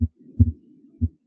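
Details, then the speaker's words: Harvey cardiology simulator: normal heart sounds present throughout all classic auscultatory areas and timed with respiration. "you listen very carefully not only does he have uh these heart sounds uh present throughout all the classic ascultatory areas but harvey's heart sounds are also timed with respiration"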